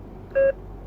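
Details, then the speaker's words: A single short, clear electronic beep from a bedside ICU patient monitor; this is a routine sound and not a cause for alarm. "अब इस आवाज से आपको घबराने की जरूरत नहीं है कि क्या हो रहा है अब आपको यह नार्मल लगेगा"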